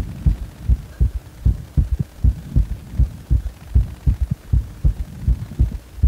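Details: Low, regular heart sounds at about 80 beats a minute with three sounds in each beat, recorded after compression; gallop (triple) rhythm.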